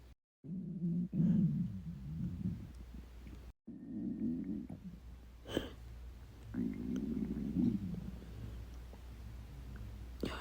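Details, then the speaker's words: Adult on day 2 of a 72-hour fast, very hungry just after drinking water: loud low gurgling rumbles rising and fading in drawn-out waves with squelching pops, stomach growling (borborygmi). "hear that that is my stomach growling loud as heck oh my gosh oh my God"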